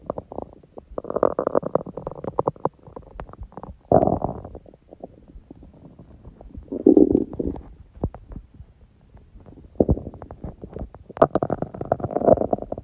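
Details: Hunger stomach sounds, with sneezing: gurgling, bubbling rumbles in irregular bursts with crackly popping; normal hunger borborygmi.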